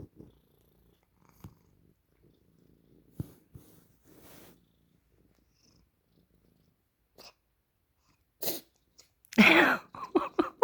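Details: Maine Coon cat with snotty nose: quiet snuffling, then several sharp wet, congested-sounding sneezes near the end, expelling a huge snot ball; sneezing.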